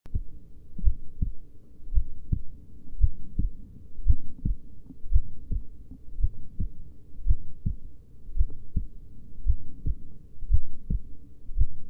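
Steady, low, paired heart thumps at a slow rate of about 57 beats a minute.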